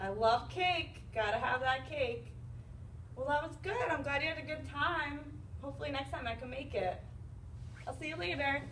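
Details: Adult woman speaking; typical speech.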